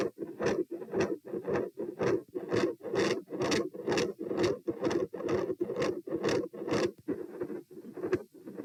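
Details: Heart sounds recorded at position P with the same subject standing: a fast, rasping beat with a harsh whooshing murmur filling much of the gap between beats, loud and near-continuous; intensity varies from quiet and murmur-free to an all-encompassing continuous murmur.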